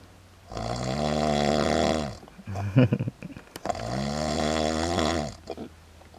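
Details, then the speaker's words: Adult man asleep after a long day and night of drinking, drunk: loud, long, buzzing snores broken by sharp hiccup-like catches between breaths. Snoring with hiccups. "Snoring and hiccuping at the same time."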